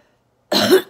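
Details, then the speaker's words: Woman, an orthopedic surgeon recovering from COVID-19 at home: a single short, harsh cough with a wet edge; productive cough. "for the breathing feels in the back coughing I'm up here coughing we're having quite a symphony in stereo"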